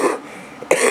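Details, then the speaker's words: Two short, harsh cough bursts from a man, an ex-smoker, with a cough from a cold that he says resembles his old smoker's cough. "this cough I got reminds me of being a smoker when I was a smoker I had this kind of cough"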